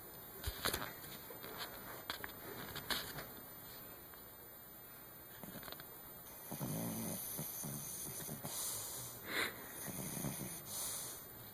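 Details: Chihuahua-Pomeranian dog Charlie, a heavy snorer, recorded asleep in the dark: soft, snuffly snores and sniffs in irregular breaths, with steady high-pitched room noise behind.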